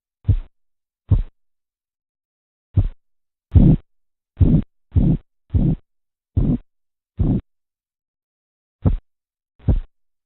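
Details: Korotkoff sounds heard during blood pressure cuff deflation as a series of low thumping taps, presented as a familiarization with their phases: tapping, swishing, knocking and muffling.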